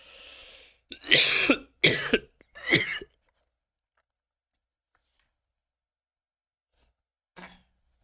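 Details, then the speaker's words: Adult male lecturer, who says he has a lung disease and persistent phlegm, coughing during an online talk: three harsh, throaty, rattly coughs then a breath; wet productive cough with phlegm. "Maaf saya batuk-batuk. Mungkin enggak enak teman-teman dengarnya ya. Karena kondisinya apa ini? Kondisi saya gak sehat untuk dahaknya. Ini muncul terus."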